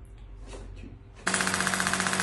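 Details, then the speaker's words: Quiet room noise, then a loud, rapid, steady clatter of pulses from a shockwave therapy device at up to 27 bar, applied after laser therapy to a football-related hamstring injury. "hi there and after the laser so we apply the chw therapy in order to improve the function of the so we going around up to the 27 bar"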